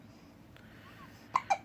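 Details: 3-week-old baby girl with hiccups after drinking milk, occurring every time she feeds: two short, sharp hiccup sounds over quiet room noise; ordinary infant hiccups.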